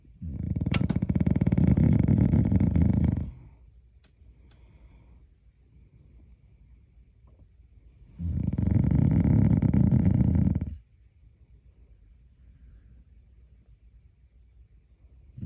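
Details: Loud, low rattling snores on each breath in, with long quiet pauses between them, from a sleeping dog said to snore like a hog; snoring.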